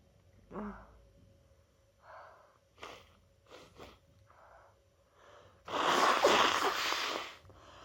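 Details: Person with their annual cold, after holding in sneezes at work all day: several short sniffs and catching breaths, then one loud explosive sneeze, cold-induced sneezing.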